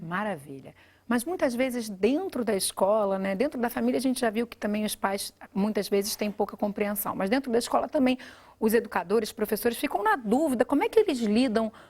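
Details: Adult woman speaking Portuguese; normal speech.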